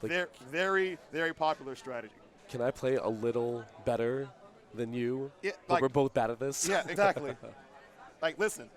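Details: Adult male commentators; normal voice.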